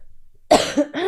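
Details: Girl, who says she coughs a lot all night: a single sharp, harsh cough burst followed by a brief second effort, in a quiet room; cough.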